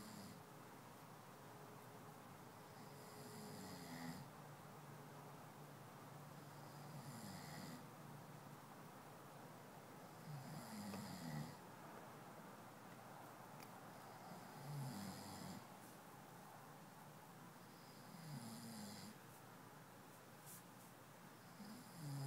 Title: My love snoring